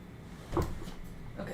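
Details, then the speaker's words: A dog coughing after drinking: one short, low, voiced cough burst in quiet room noise. Because the cough has sound, the owner considers the dog not in danger. "as long as the cough has sound in it everything's okay that's the rule with babies and that's the rule that I'm taking to be true with dogs as well if they're coughing and you can hear the sound of coughing the baby is not in danger."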